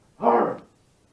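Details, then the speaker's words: Imitated stridor in a respiratory lecture: a single harsh, strained, high-pitched barking-seal sound by an adult, likened to an upper airway blocked by a massively enlarged, inflamed epiglottis; a sound you don't want to hear. "this is not a sound you want to hear right or it is this harsh kind of high-pitched barking seal or seal barking"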